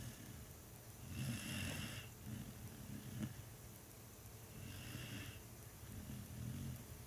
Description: Here's a minute of contented doggo snoring